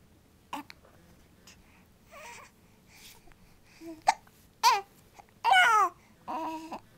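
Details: A baby makes a few sharp, abrupt hiccups in a quiet room, followed by brief infant vocal sounds and fussing; hiccups.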